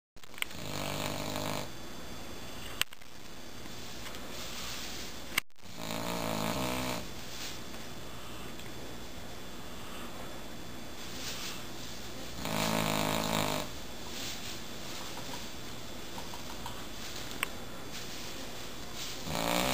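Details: Low, rattling snores recurring about every six seconds, roughly ten breaths a minute, over steady room noise; ordinary snoring.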